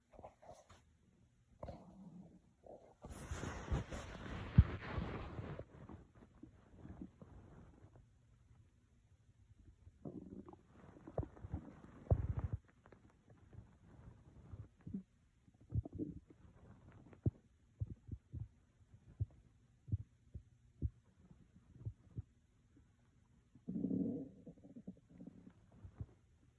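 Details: Empty stomach after skipping breakfast, recorded while sitting at a work desk in the morning: near-nonstop low gurgling and rumbling with frequent bubbling bursts; hunger bowel sounds (borborygmi).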